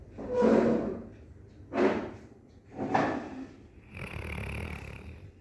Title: Cute Dog Snoring